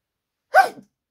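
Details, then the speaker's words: A single short, sharp sneeze from an adult woman, bursting out suddenly mid-speech and fading within a fraction of a second. "Voilà, mes chers Scorpions, j'espère que ça vous aura plu. Je vais pardon éternuer. Voilà."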